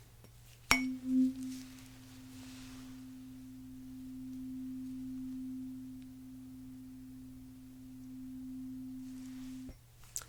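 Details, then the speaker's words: Simulated roleplay cranial nerve exam hearing test: a tuning fork is struck, giving a steady pure hum ringing about nine seconds. "i'm going to do a test for the tuning fork so i'm going to create a sound please tell me when you don't hear the sound anymore okay"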